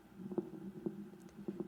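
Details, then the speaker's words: Pleural friction rub on chest auscultation: short creaking, grating, crackle-like bursts from the two pleural layers rubbing in close contact, indicating an inflammatory or neoplastic process. "similar a crujidos originado en el roce de ambas pleuras cuando quedan en íntimo contacto nos indica un proceso inflamatorio neoplásico"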